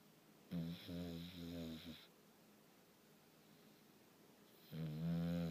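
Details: Bulldog snoring.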